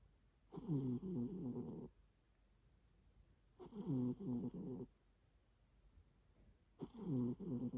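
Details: Pet, possibly cat, snoring or grunting: three bursts of low, fluttering, rattling breath at about 19 a minute, separated by quiet gaps; snoring.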